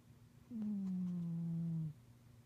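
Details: One loud, steady, humming snore lasting over a second, falling slightly in pitch; loud snoring, not a growl.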